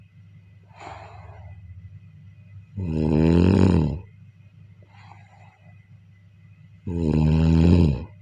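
Loud rattling snores on the in-breath, with quieter out-breaths between, about 15 breaths a minute: snoring.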